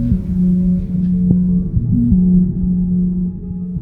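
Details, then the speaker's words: Continuous LVAD pump sound over the chest of an adult man with end-stage heart failure, LVAD as bridge to heart transplant; steady low mechanical hum with slight pitch shifts, no separate heartbeats and no pulse. "I've never heard an LVAD. Okay. It's not often you meet someone whose heartbeat sounds like this."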